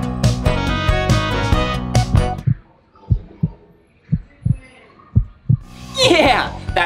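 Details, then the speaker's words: Soft paired low thumps of a heartbeat, about 70 a minute, after a burst of music; a cartoon sound effect as a stethoscope checks a puppy in a children's show. "wow look a stethoscope thing to look inside his ears a thermometer yeah so let's just check his heartbeat ready"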